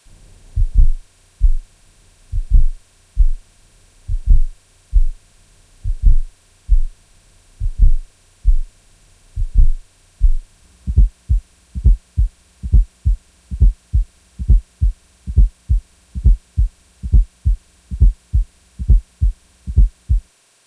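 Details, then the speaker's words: Simulated heartbeat with a soft extra sound in late diastole just before S1: fourth heart sound (S4, atrial gallop), best heard at the cardiac apex with the stethoscope bell, from blood forced into non-compliant ventricles. "The S4 heart sound is heard best at the cardiac apex with the bell of the stethoscope. It is heard in late diastily and is often described as an atrial gallop rhythm."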